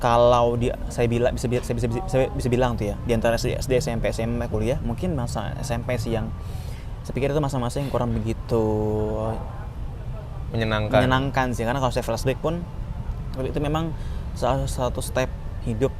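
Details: Stuttering in an adult Indonesian man; speaking Indonesian.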